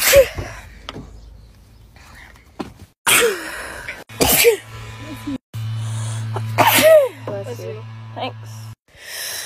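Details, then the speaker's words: Compilation of favorite sneezes from one person over a year: several sudden, sharp sneezes with brief intakes before them, cut together, with music and talk in the background. "a compilation of my favorite sneezes this year"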